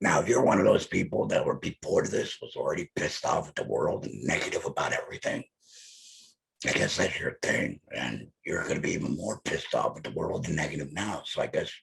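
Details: Electrolarynx speech after laryngectomy from an adult male, the device held to his neck as his only form of communication.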